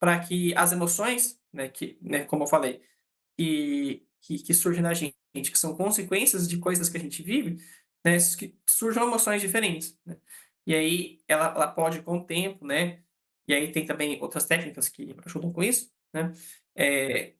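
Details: Adult man who stutters, a psychologist and therapist for people who stutter; real speech showing stuttering.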